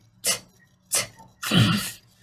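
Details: Clinician imitating nasal air escape during attempts at an alveolar fricative, as seen in school-age children with phoneme-specific nasality (velopharyngeal mislearning). Acted. Finding: active nasal fricative (nasal air emission).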